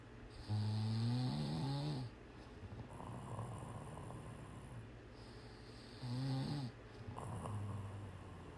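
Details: Sleeping cat snoring hard in a quiet room: low, buzzing snores on the in-breath with a softer breath out.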